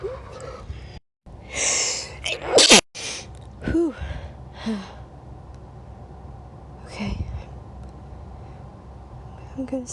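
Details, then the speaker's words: A loud, sharp adult sneeze after a brief catching breath and a tickle, followed by short voiced gasps. "sneeze I'm going to sneeze huh I'm going to sneeze oh going to sneeze oh it [Music] tickles"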